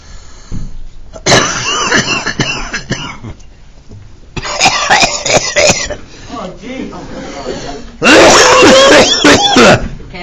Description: teacher has coughing fit in the middle of maths example, should he be fired?